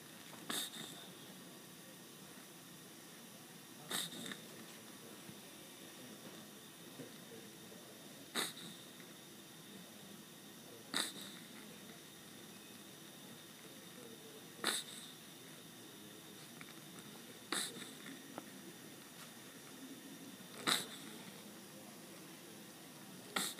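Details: Hiccups through a tracheostomy tube: seven sharp, brief clicking gasps about every three seconds.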